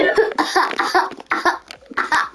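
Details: A run of about five rapid, voiced coughing bursts that blend toward laughter, in a small room: cough.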